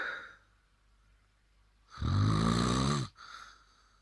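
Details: Snorer wearing an anti-snoring device that doesn't work: one loud rough rattling inward snore about a second long, then quiet breathing; ordinary snoring.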